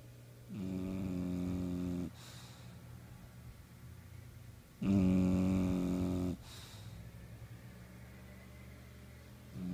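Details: Bulldog snoring while sleeping very soundly: loud, low rattling snores on slow breaths, about two in ten seconds.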